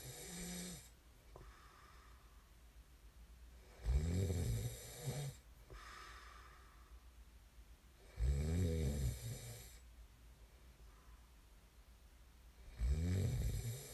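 Three loud, low, rattling snores about four seconds apart, with quiet breathing between them and faint room hum.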